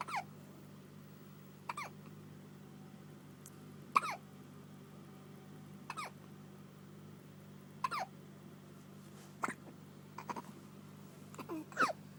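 Small sharp hiccups recur roughly every two seconds, about eight in twelve seconds, over a steady background hum; infant hiccups.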